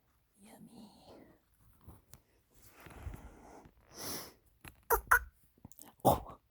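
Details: Pet "piggy" coughing while eating a carrot, and the owner asks whether it is choking.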